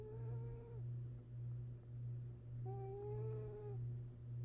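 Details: Sleeping cat napping: soft, slow breathing with thin whistling tones on two breaths over a low steady hum; gentle snoring.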